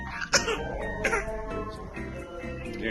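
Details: Newborn baby girl coughing: two brief, soft infant coughs heard over loud background music.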